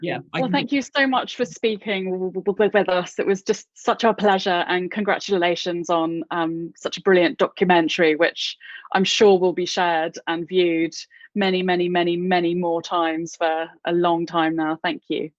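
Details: Adult interviewer who stammers; stammering.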